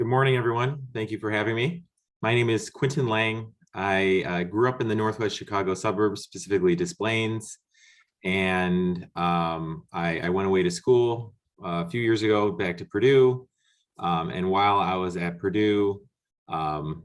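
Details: Adult male speaker; normal speech.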